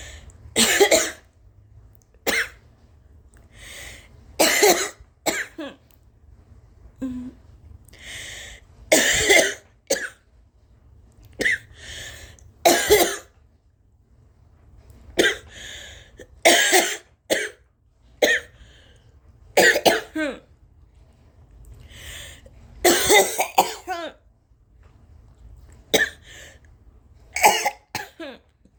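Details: Repeated loud, open, uncovered coughs from a sick adult reporting fever, fatigue and suspecting a stomach bug or flu, some in short clusters with quiet breathing between.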